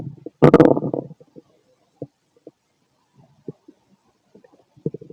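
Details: Adult male's stomach growling late at night, feeling gassy after eating lots of food earlier: a loud gurgling growl, then scattered short bubbling pops; ordinary borborygmi.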